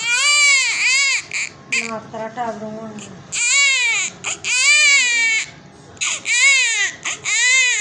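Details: Baby born after normal delivery: loud, high-pitched rhythmic crying bursts with brief catch breaths between; a vigorous newborn cry, with faint background music.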